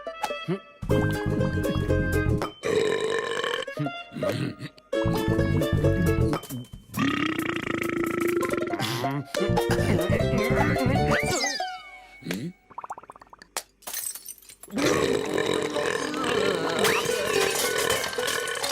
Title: original: Burping Madness